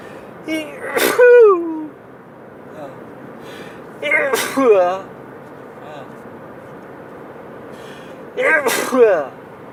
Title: Another sneezing fit by driving